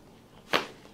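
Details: Single sharp crack from a woman's stiff, tight spine during a chiropractic adjustment; joint cavitation.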